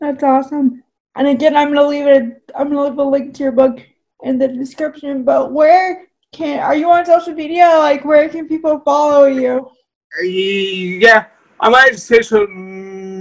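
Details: Dysarthria in a woman with cerebral palsy, who says her speech is clearly affected by it.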